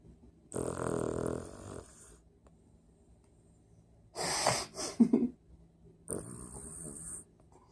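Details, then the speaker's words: Dog who habitually snores loudly; three long, rough, rattling breaths in a quiet room, the middle one ending in a snort, while asleep. "My dog is a bit of a snorer."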